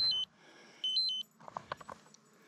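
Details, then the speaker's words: Implanted arm glucose sensor (14-day) alerting high glucose inside a truck: two short bursts of high electronic beeps, then faint clicks and rattles. "i don't know what it oh i think it's my let's see yeah it's my diabetic monitor there i can't see it says high glucose to check it which i will"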